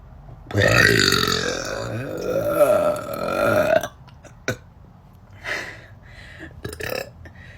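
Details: Female burper (tagged burpgirl): one long, loud, rumbling belch of about three seconds, then quieter room sounds; an ordinary burp.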